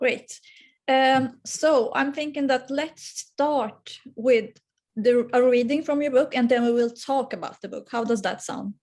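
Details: Adult woman; normal fluent speech.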